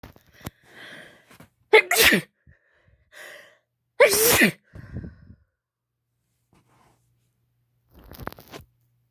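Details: Sneezing induced by chhinkni (sneezing powder): several sneezes, each a short in-breath before a loud explosive burst, two strong and wet-sounding, in a quiet room.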